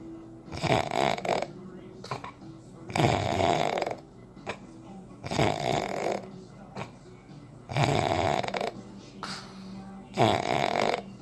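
Loud, rough snores with each breath, about five in eleven seconds, separated by quieter pauses: ordinary heavy snoring.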